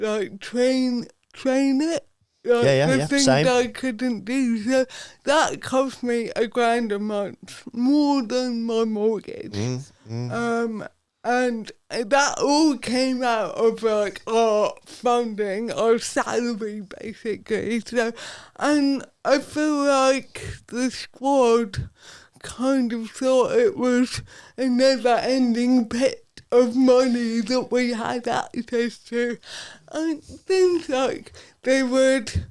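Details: Adult woman, Paralympic dressage rider with athetoid cerebral palsy whose speech is affected by it, previously self-conscious about her speech; dysarthria in athetoid cerebral palsy.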